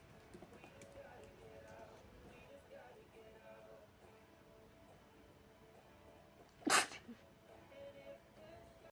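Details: Single sharp sneeze over faint room noise; person sneezing, attributed to dog allergy, after sleeping in bedsheets the dog played in.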